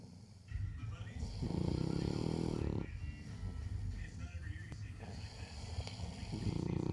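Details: French bulldog and a person snoring: low rattling snores during sleep, with a louder throaty snore swelling and fading between quieter breaths.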